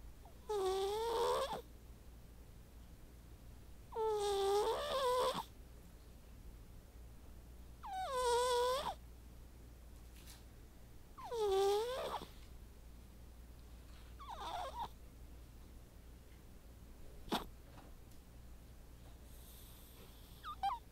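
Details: White cat asleep, snoring with high, squeaky, whistling snores on each breath, about 17 a minute.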